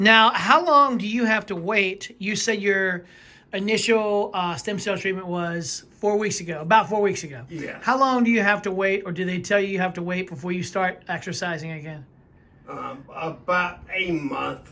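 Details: Adult interviewer; typical speech.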